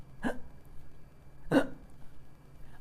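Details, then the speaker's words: Two abrupt, short hiccup sounds about a second apart over quiet room noise; typical hiccups. "This is the sudden contraction of your diaphragm and this hick sound that you get is because of snapping of your vocal cord."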